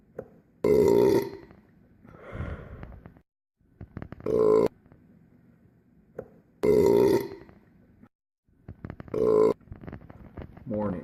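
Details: Burping, likely from a French bulldog, replayed: four loud, drawn-out burps with quieter gulping sounds between, repeated in a pattern.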